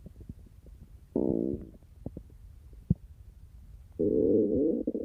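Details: Stomach growling of a boy and a girl: two drawn-out gurgling rumbles with a few soft pops between them, ordinary normal bowel sounds.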